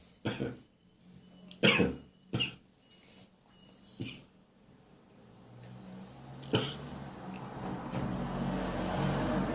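Five sharp, abrupt coughs, spaced irregularly, with a barking staccato quality, from an adult with an upper respiratory infection; faint rising background noise at the end.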